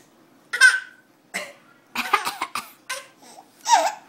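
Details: A 10-month-old baby deliberately coughing on request: a few short, deliberate cough-like bursts mixed with playful vocal sounds and giggles; voluntary cough.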